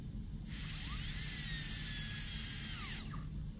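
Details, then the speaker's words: High-pitched dental drill whine rising to full speed for about 2.5 seconds, then winding down: a 330 bur making the initial cut into the lingual groove, 1 mm deep and wide, of a maxillary first molar in MODL amalgam preparation. "I'm fond of using 57 bursts on this area, but now I just initially drilled with 330."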